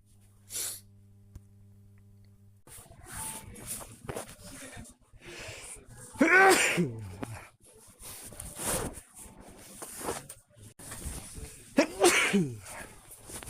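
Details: Natural, random sneezes from a person who is not ill and not in allergy season, recorded on a smartwatch: several loud sneezes, each a sharp intake then an explosive voiced burst, separated by breathing and rustling.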